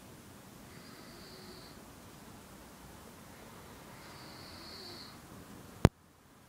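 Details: A man snoring: two soft, drawn-out snoring breaths in a quiet room, ending in a sharp knock; ordinary snoring.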